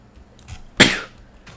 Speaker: excuse me for the sneeze they come sudden sometimes